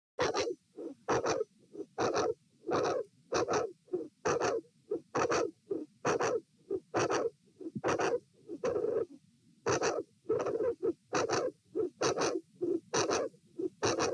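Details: Heart sounds at the aortic area (position A), patient sitting, with a dilated aortic root: uneven rhythm where early extra beats break the regular pattern, an irregular rhythm with premature atrial and ventricular contractions.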